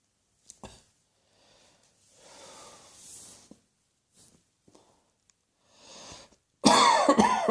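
Quiet throat sounds and breaths, then a loud burst of two or three harsh coughs at the end; a plain cough.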